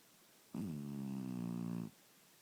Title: Night Camera Haunting? Bigfoot? Nope Snoring Shar Pei